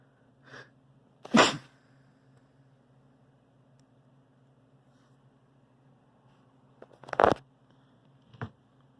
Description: Allergies have been really bad this season. I can't stop sneezing 🤧